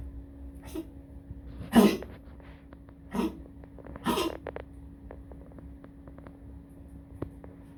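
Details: Dog coughing in the toilet before going to pee: three short, sharp, sneeze-like bursts over a steady room hum.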